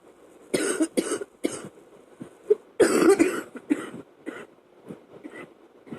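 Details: Coughing fit of about seven harsh, rough coughs in quick succession during a chest cold, waking the person from sleep at night; faint steady fan hum in background.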